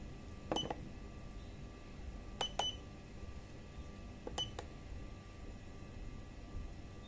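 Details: Syringe pump SP1 being operated, short electronic keypad beeps, some in quick pairs, over steady room hum; syringe pump keypad beeps.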